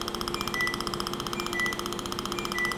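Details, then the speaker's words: Steady rapid pulsing buzz with a faint tone and brief high beeps: a 2,940 nm Er:YAG dental laser (PIPS photoacoustic streaming) activating ordinary water rinse during root canal treatment in a real patient. "and we work with the herum yuck laser so we work with wavelength by 2,940 and the rinsing is just ordinary water"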